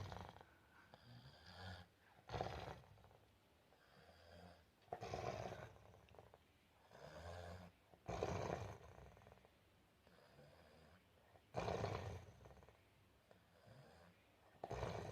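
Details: Adult man sleeping during quarantine, snoring: loud rough snores on each breath in, about six in fifteen seconds, with quieter breaths out between; ordinary snoring.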